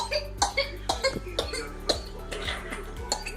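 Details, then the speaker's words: Child with whooping cough (pertussis): rapid run of repeated short coughs in a paroxysm, over background music. "é o som de uma criança com coqueluche"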